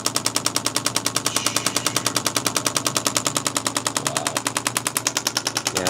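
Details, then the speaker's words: Rapid, very regular mechanical clacking, roughly 200 pulses a minute, as a radial pulse shockwave handpiece pins the neck muscle while the patient turns his head (pin and stretch) for right-sided neck and shoulder strain; radial shockwave therapy device in operation. "I can tell this is a good spot here because every time Dr Alec finishes his head turn the muscle of that neck is actually popping itself across the shock wave's head"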